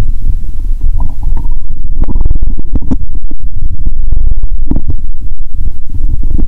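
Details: Stethoscope on the belly of a person after drinking cola with Mentos, belly aching: loud, continuous low gurgling and bubbling rumbles; active bowel sounds (borborygmi).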